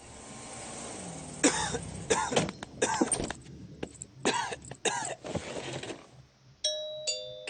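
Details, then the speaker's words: Simulated cartoon cough by the Peppa Pig character Dr Brown Bear, who caught Pedro's cough: a run of short, harsh acted coughs followed by a bell-like chime. "voilà que le docteur a attrapé la toux de pedro maintenant ne vous en faites pas au revoir pauvre docteur brombert il est malade et il n'a personne pour veiller sur lui"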